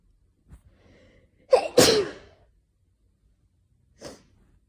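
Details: Winter sneezes from someone with a slight dust allergy, triggered by cold weather or indoor heating. A quick inward breath, a loud explosive sneeze, then a softer sniff or second burst.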